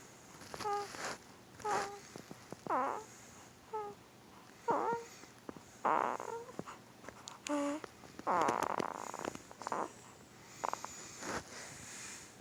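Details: 2-week-old newborn boy, hard asleep, making repeated short squeaky grunts and snuffly noises with each breath; common, harmless newborn sleep grunting and squeaks.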